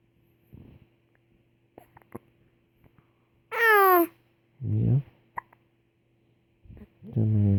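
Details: An infant babbling and squealing while talking with the father, interrupted by brief, abrupt catches in the voice; hiccups during baby talk, and the baby seems frustrated by them.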